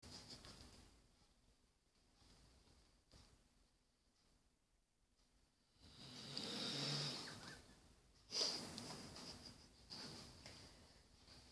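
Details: Snoring from a sixteen-year-old female: hissing, snorting breaths rising and falling at an uneven pace in a quiet room.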